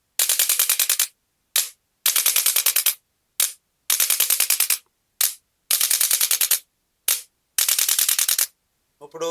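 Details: Male patient with L3–L4–L5–S1 disc bulges and bilateral sciatica with difficulty walking, after cervical adjustment to release a compressed nerve at the side: roughly one-second bursts of rapid mechanical tapping alternating with short single bursts, from a chiropractic adjusting instrument.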